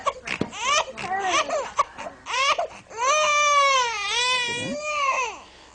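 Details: A baby fussing, then a sustained high wailing cry with rising and falling pitch, while being swaddled before being rolled to the side position in a calming demonstration.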